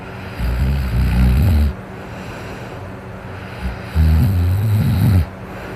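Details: Person snoring while drunk: two long, loud, deep rumbling snores with a vibrating, fluttering quality, separated by a pause; heavy snoring.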